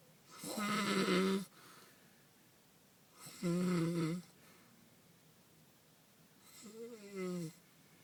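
Three loud, rough, rattling breath sounds, each about a second long, separated by quiet pauses: snoring, roughly 20 a minute.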